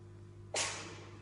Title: #catvideos #cat the cat sneezes Маруся чихает